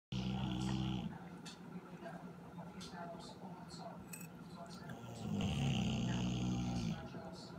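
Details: Snoring recorded in 2017: two loud, low, rattling snores separated by a quieter stretch with light room noise; snoring.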